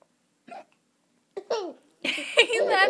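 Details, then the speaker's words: Mother with hiccups at dinner time: two short, sharp hiccup sounds, followed by her young child's laughter at them. "at my hiccups you shouldn't laugh at Mama's hiccups I can't help them"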